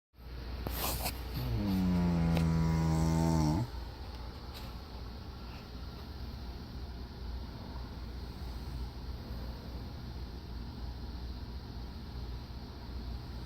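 A single loud, low, rumbling snore lasts about two seconds, followed by steady room noise; snoring.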